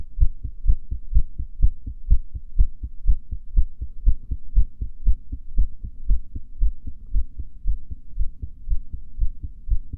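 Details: Female heartbeat recorded during a breath hold: regular low thumps, roughly 60–70 beats a minute, steady throughout, faint background hum; normal heart sounds.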